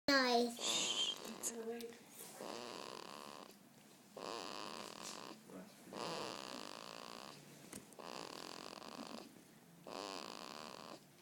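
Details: Repeated hissing, snuffly snores from a sleeping pet, about one every two seconds, after a short noisy start.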